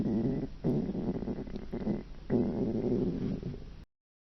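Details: Low gurgling rumbles in bursts over about four seconds as two people's hungry stomachs growl while they watch TV together.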